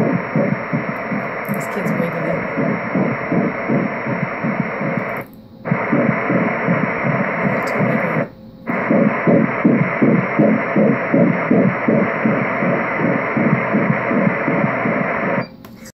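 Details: Fetal heartbeat at 13 weeks of pregnancy on ultrasound Doppler: fast, regular whooshing pulses at about 160 a minute with two brief pauses.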